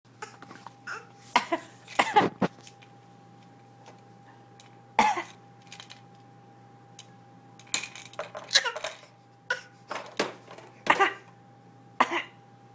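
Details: Infant girl deliberately giving repeated short, light fake coughs on prompting, having learned coughing gets attention; a harmless voluntary cough, not from illness.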